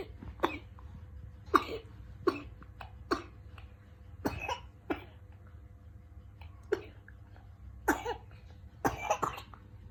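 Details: Cough: about ten short separate coughs over ten seconds, some in pairs, with quiet room hum between them.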